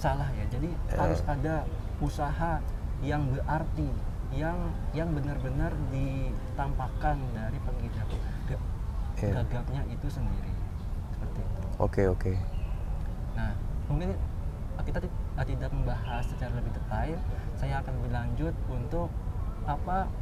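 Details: Stuttering since childhood in a young adult man, a newly graduated doctor.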